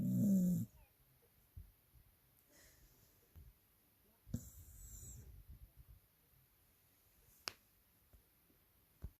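A loud rough snore at the start, then quieter breathing with a second snoring breath and a few soft clicks in a quiet room.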